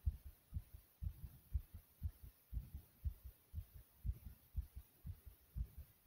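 Rapid, regular low heartbeat thumps at about 120 beats a minute, a fast heart rate after exercise.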